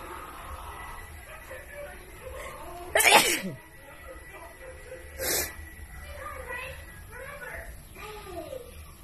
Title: Wet,Wide Nose Sneezes Philippines.